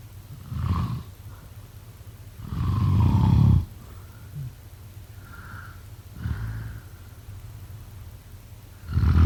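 Deep, rough, rattling snores come with each breath in, separated by quieter breathing out.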